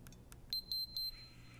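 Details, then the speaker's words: Flocare Infinity enteral feeding pump: two soft key clicks, then three short high-pitched electronic beeps as the start-stop key starts the programmed flow rate. "And press the start-stop key to initiate the program."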